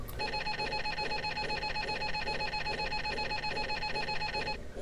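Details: Simulated MRI scanner noise from a wooden pretend scanner used for MRI preparation training: loud, steady buzzing pulses with fast rhythmic knocking.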